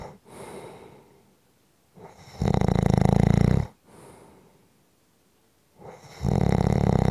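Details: Loud, low, rattling snores on each breath in with quiet breaths out, about 16 breaths per minute; snoring.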